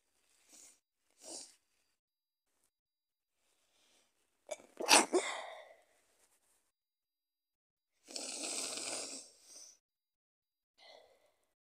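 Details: Person sick with a cold, with snot and cough, gives several short nasal bursts, then one loud explosive sneeze and a long hissing blow; repeated sneezing.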